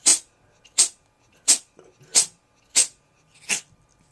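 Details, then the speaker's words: Pet cat having a sneezing attack while its owner talks: six sharp, hissy sneezes in quick succession, about one every 0.7 seconds. A sneezing fit. "hold on I'm being rudely interrupted by by epic sneezing"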